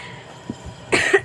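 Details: One short, dry cough from a child after a brief quiet stretch with room noise: cough.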